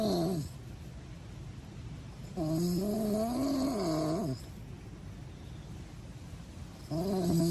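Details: Snoring: whistling, tonal snores with rising and falling pitch on each in-breath, about two breaths over several seconds, with quiet exhalations between.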